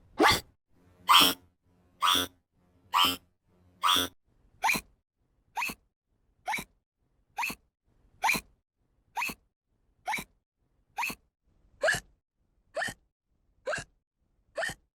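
Seventeen sharp, evenly spaced hiccup sounds, about 67 a minute, from a sound-effect recording.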